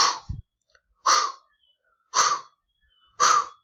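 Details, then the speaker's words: Three short, harsh, breathy bursts spoken aloud, followed by the start of speech, contrasting ejection and aspirative murmurs by pitch: a vocal imitation of an ejection-type heart murmur. "Entonces, aspirativo, eyección. Esa es una diferencia y el uno es agudo, el otro es grave."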